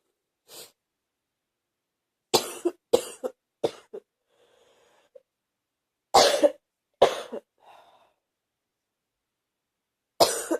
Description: Today was fever-ish... No energy and starting to get a heavy feeling in my chest and the cough is stronger